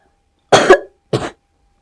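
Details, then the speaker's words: Two short, abrupt coughs from a child, acted for a comedy skit; wet or dry not distinguishable. "Did you just cough? >> Yeah. >> Was it a wet cough or a dry cough?"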